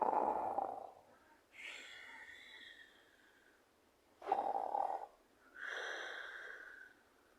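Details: Person snoring: two slow cycles of a harsh rattling snore on breathing in, then a whistling, nasal breath out; snoring.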